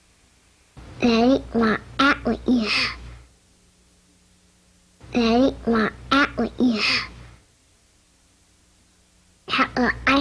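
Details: Child; pharyngeal affricates (cleft palate speech).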